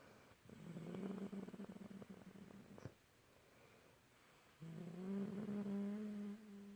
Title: Very ladylike snores